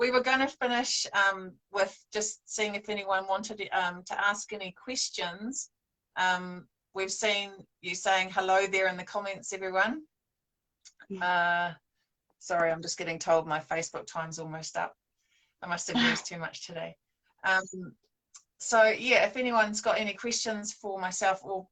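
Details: Adult woman speaking; Normal speech.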